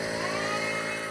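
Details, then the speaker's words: Compressor nebulizer running for a child's asthma flare: steady mechanical buzzing hum of the compressor delivering medicine. "bit more asthma, so we decided to hook him up to the nebulizer and see if we can't get it under control for the day."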